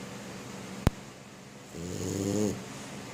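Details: Sleeping French Bulldog, female, lying on her back with paws in the air, tucked into bed: a sharp click, then a single snorting, rattling inspiratory snore. Snoring.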